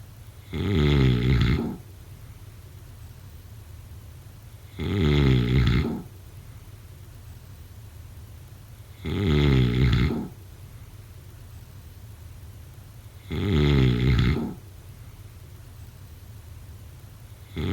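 Steady, loud, deep snores on each breath in, about 14 a minute, with quiet breathing between. Regular sleep snoring.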